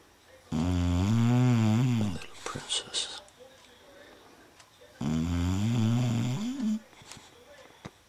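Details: Sleeper dreaming while snoring: two loud, rumbling snores of about 1.5 seconds each, with quiet breathing and a soft rustle between; ordinary snoring.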